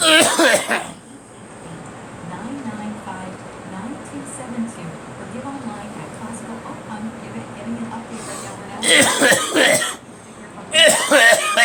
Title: Me coughing